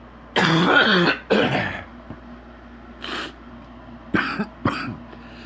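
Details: Adult man sick with an extremely stuffy nose: several deep, loose coughs with a rattly, mucus-laden quality and throat clearing; a deep wet productive cough.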